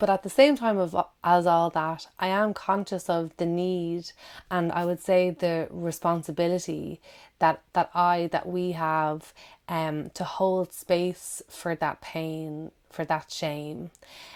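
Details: Adult woman who stammers, with audible word and syllable repetitions; stammering (stuttering).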